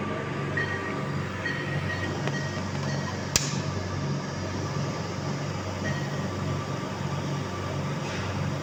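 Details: Preterm baby at 30 weeks with low birth weight and respiratory distress syndrome on a ventilator in CPAP mode: steady low mechanical hum with soft rhythmic pulsing.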